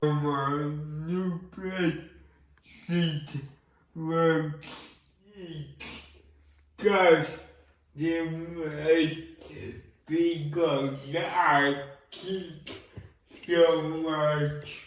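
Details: Man with cerebral palsy and involuntary movements; dysarthric speech, implied rather than explicitly named.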